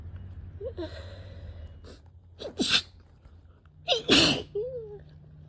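Two sharp, explosive sneezes, each preceded by a quick inhaled gasp, with brief squeaky sounds between them.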